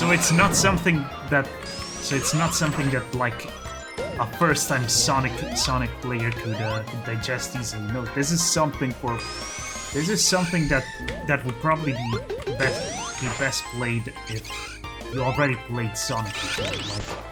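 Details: Stuttering in a male creator who calls his own commentary a stuttery mess; repeated words and phrases during gameplay commentary.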